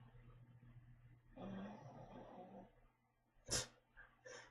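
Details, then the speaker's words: Dog snoring in the background while its owner talks during an anime reaction. "can probably hear my dog snoring."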